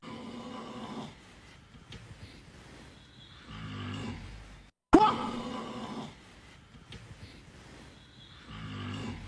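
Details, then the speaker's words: Very loud, low, rough rumbling snores on slow breaths, with one sudden loud noise in the middle; heavy snoring so loud it seems impossible the sleeper does not wake. "des ronflements à faire réveiller michael jackson ça c'est s'est jamais vu ça de ma vie"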